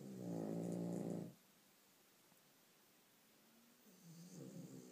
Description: One of the worst cases of dogs snoring I've ever heard. They are so loud.